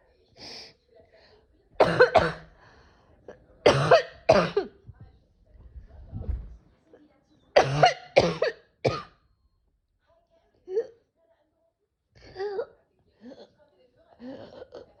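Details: Repeated bursts of dry coughing in clusters, with throat clearing and short vocal sounds between them; a sudden sneezing and coughing episode, possible allergies though the cause is unknown.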